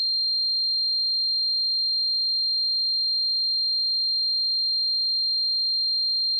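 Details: Simulated tinnitus sound effect: a steady high-pitched pure tone with no change throughout, imitating tinnitus ringing.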